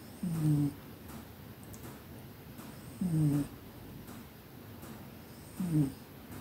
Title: Cat snoring during his afternoon nap.😴💤 I'm glad I was there. #cat #snoringcat #snore #mycat